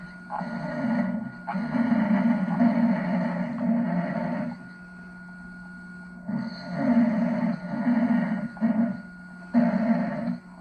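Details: Loud, rough, rumbling snoring in long bursts separated by quieter pauses over a steady room hum, from a sleeping father, recorded in a Venice room and edited as a montage with some gaps removed.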